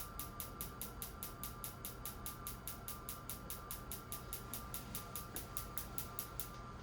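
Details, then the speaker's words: Rapid, even, low ticking pulses, about two to three a second, over a low room hum: a focused shockwave therapy machine used as a clinic treatment for erectile dysfunction. "It sounds tick tock, tick tock, tick tock. Very like a low sound."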